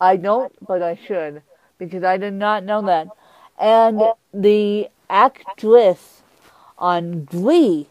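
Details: Adult woman with cerebral palsy who uses a walker; she describes her speech impediment as milder than her co-host's; mild dysarthria.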